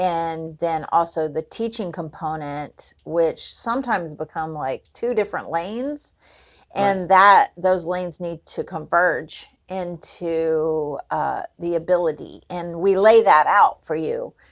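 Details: Adult man with cerebral palsy, a real speaker, with language differences that are clearly audible in his speech; dysarthric speech in cerebral palsy.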